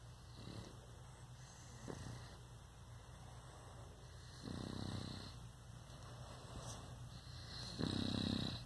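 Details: Sleeping Boston Terrier gives low rumbling snore bursts every few seconds over a faint steady whine; snoring.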